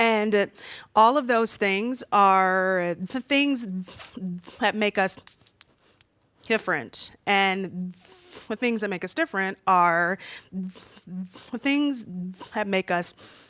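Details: Stuttering in an adult woman who says she stutters far more when nervous, as when presenting in front of a room full of people.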